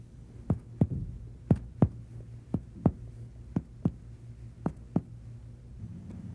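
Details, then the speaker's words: Chest percussion of a supine patient, upper body raised about 30°: eleven sharp taps over the left 3rd–6th interspaces, from lateral pulmonary resonance toward medial cardiac dullness, estimating heart size when the apical impulse is not felt. "normally percussion reveals pulmanary resonance laterally and cardiac dullness medially"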